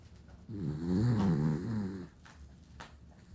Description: My dog Scooter snoring loudly